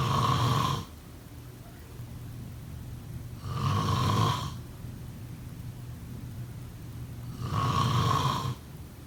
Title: Snoring sound…